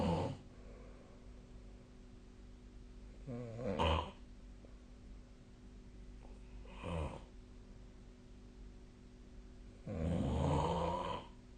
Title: 🐽 本日のイビキ / Snoring Sleep Sound 2025/03/03